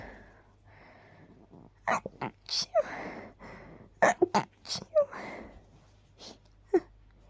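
A series of short, suppressed "choo" sneezes, about five or six, with quiet breaths between and low room hum: stifled sneezing.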